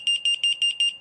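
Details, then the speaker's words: Revel ventilator being switched off during setup, screen showing saving config: rapid repeating high-pitched double beeps, about five pairs a second, an alarm sounding until the yellow button is pressed to silence it. "and then you're going to see a thing there that says saving config and that's just saving the last settings however you hear that annoying beeping that is beeping that's going to"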